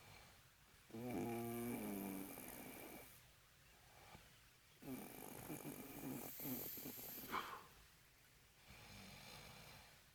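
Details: Loud, rattling snores in long bursts with quieter gaps, from a sleeping adult boyfriend described as drunk; heavy snoring.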